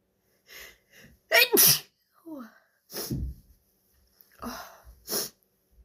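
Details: Shaky breath catches building up, then several forceful sneezes, some cut short, from a female; she thinks it's allergies, likely hayfever.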